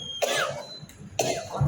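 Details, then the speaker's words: Two separate sharp coughs about a second apart from an adult with a heavy cough and recent fever, treated with paracetamol; faint room noise between them. "শুনতে পাচ্ছি না যাকে ভীষণ কাশি হচ্ছে এই জেলাটা কাশি ওষুধ কিনবো"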